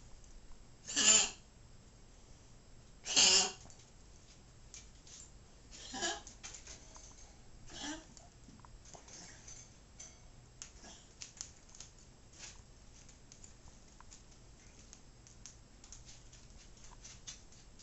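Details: Old dog with congestive heart failure, on medications for months: two harsh honking coughs, then weaker coughs and raspy breathing. The owner says the coughing and wheezing vary with temperature and humidity and occur at rest, not only with exercise.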